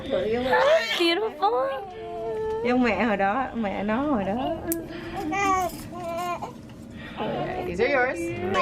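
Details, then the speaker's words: Vigorous high-pitched wavering first cries of a newborn girl, 8 lb 9 oz, just after a 28-minute pushing stage of vaginal birth with epidural and pitocin, first-time mother, delivery room with adult voices. "it took 28 minutes and baby girl was out oh"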